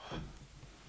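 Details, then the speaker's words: Adult man imitating his own snoring, the sound he makes at night because of sleep apnea, which he treats with a CPAP machine. "Right, CPAP machines. Yeah, that's the sound I make when I go to sleep."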